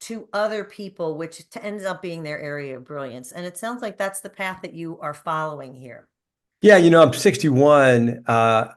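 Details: Two adult speakers in conversation; normal conversational speech.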